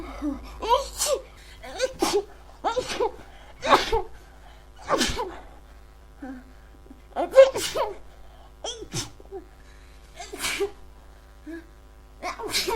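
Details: Person unsure whether a cold or allergies is the cause: a huge sneezing fit of about ten sneezes in quick succession over roughly thirteen seconds, each preceded by a sharp indrawn breath.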